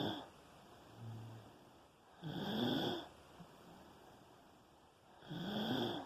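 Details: Sleeping with regular rasping snores about three seconds apart, near 20 breaths a minute, over steady hum; snoring.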